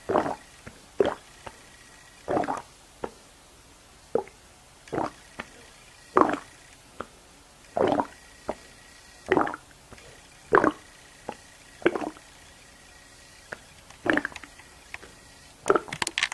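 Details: Repeated short wet gurgles and plops from the belly, deliberately produced: borborygmi (stomach gurgling), a normal bowel-gas sound.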